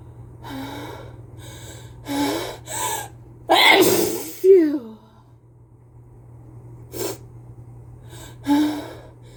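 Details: Person with a cold sneezing onto a pane of glass: gasping in-breaths build to a loud, explosive, wet sneeze, then a few softer sneezes over a low room hum.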